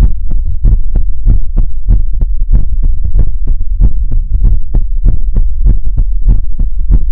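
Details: Heartbeat sounds in a Chinese ASMR livestream: rapid, regular low thumping beats at roughly 140 a minute, with a deep hum underneath; a heartbeat.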